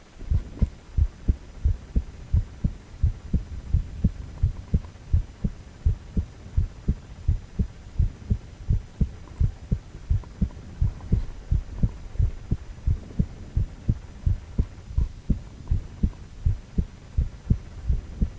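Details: Ultrasound of a male heart, 4-chamber view, with heartbeat sound: steady, regular low thumping heartbeat at about 86 beats a minute; normal heartbeat.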